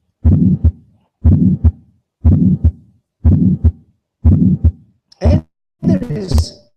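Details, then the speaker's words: 24-year-old female medical student with atypical chest pain before an exam and an otherwise normal examination: regular heartbeat at about 60 a minute with a soft benign systolic flow murmur and a crisp second sound. "second sound here so what is this this is not our T nois this is a benine flow Mor more that so many people have"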